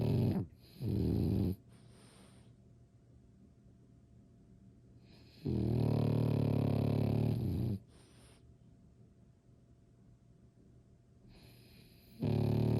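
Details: French bulldog asleep: loud, low, rattling snores in long bursts separated by quiet pauses, about four breaths in thirteen seconds; snoring.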